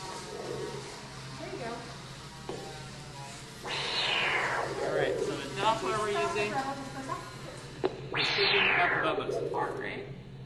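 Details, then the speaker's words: Spur-thighed tortoise under anesthesia at an annual check-up, heart monitored by Doppler to assess anesthetic depth: slow, separate whooshes of heartbeat, rhythm nice and normal. "The whooshing sound you hear is Bubba's heart beating."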